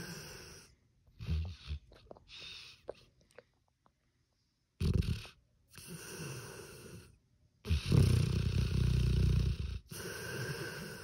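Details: Sleeping pit bull: irregular snuffly, rumbling breaths with short snorts; snoring.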